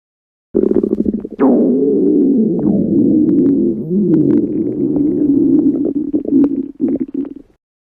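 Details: Stomach growling: a long, low gurgling rumble with bubbling pops lasting several seconds, bowel sounds (borborygmi).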